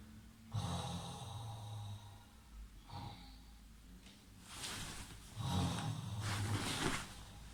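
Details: Irregular snorting breaths with rough, fluttering inhalations from a sleeping woman; snoring.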